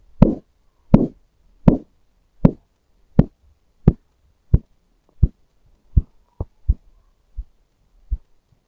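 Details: Korotkoff sounds heard by stethoscope during manual arm-cuff sphygmomanometer reading, cuff inflated to 180 then deflated: regular thumping pulse sounds about 80 a minute fading as the cuff deflates; systolic 130, diastolic 85.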